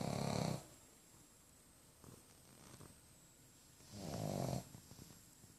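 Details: Pug dog named Winnie snoring.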